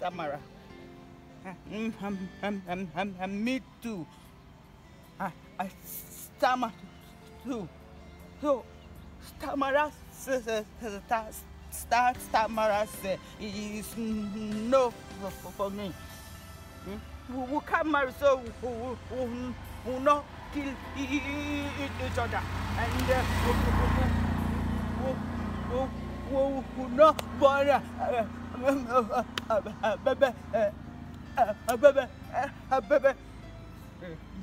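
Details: Adult voices in an acted comedy skit; stuttering (acted).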